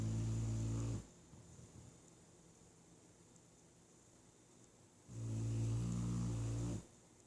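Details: Sleeping dog: two deep, buzzing, low-pitched snores with a quiet pause of several seconds between them in a still room; snoring.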